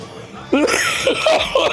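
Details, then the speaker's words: An adult coughing right after smoking a joint: a quiet start, then a rapid run of about four harsh, voiced coughs. "Mensen, je hoort mensen hoesten. Dat zijn wij zwakken."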